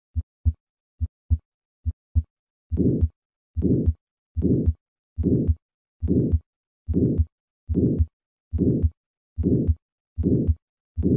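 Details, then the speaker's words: Aortic valve sclerosis murmur, for comparison with an innocent murmur: heartbeat about 71 a minute, after a few plain beats a short rough murmur fills early systole. "listen first to a patient with aortic sclerosis and compare that to an innocent murmur first aortic sclerosis"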